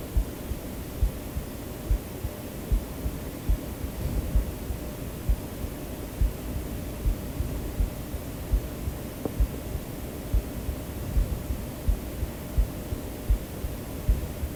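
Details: A real self-recorded human heartbeat mixed into a sleep-aid track, with steady, soft low thumps at about 75 a minute under constant hissing white noise; normal heartbeat.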